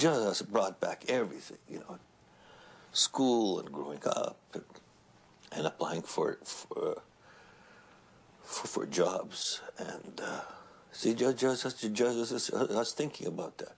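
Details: Man who has stuttered since he began speaking, with repetitions and broken phrases; stuttering.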